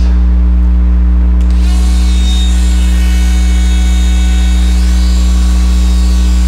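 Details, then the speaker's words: Low-speed straight handpiece with a maxi-cut bur trimming external excess resin from an alginate-technique temporary crown: steady low motor hum with a faint higher whine. "Então nós vamos fazer a remoção desses excessos externos."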